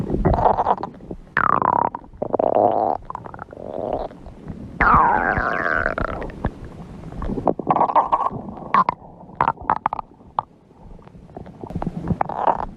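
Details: Stomach growling: long gurgling, bubbling and squealing rumbles with rising and falling pitch.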